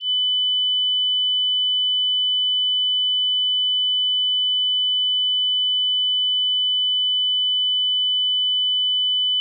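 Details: Tinnitus pitch-matching test tone: a steady, unchanging 3000 Hz pure tone, the first in a series, meant for headphones at low volume.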